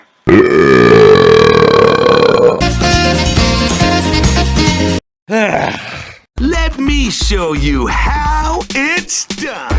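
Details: Animated Mario cartoon reacting to a burping-contest comic: long, loud, voiced cartoon burps, one drawn out and then a run of shorter ones, with music behind.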